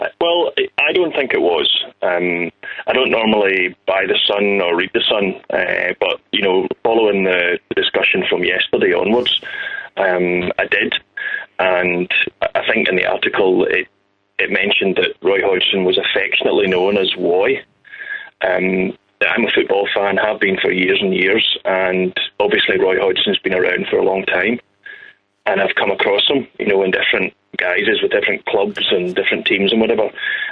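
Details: Adult male caller over a telephone line; normal speech.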